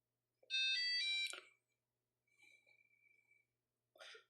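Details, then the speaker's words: Short rising electronic melody then faint steady tone and brief click: Nestlé enteral feeding pump, used for nasogastric feeding of elderly patients, powering on. "So ngayon guys, pagka halimbawa turn on muna natin 'yan."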